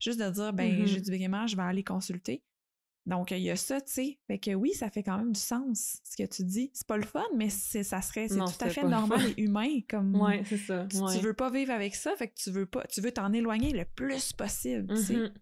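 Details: Adult woman speaking French; normal speech.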